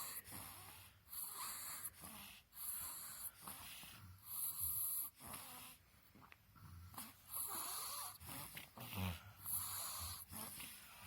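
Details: Sleeping baby with a blocked nose: repeated noisy breaths with snorting, rattling snores and a whistling edge, about 10 breaths in 11 seconds; snoring with nasal obstruction.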